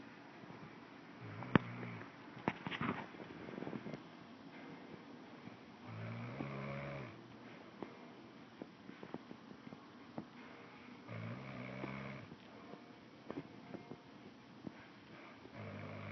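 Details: Snoring from a subject labelled "summer locust": soft, low rattling snores roughly every five seconds, with clicks and small movement noises in between.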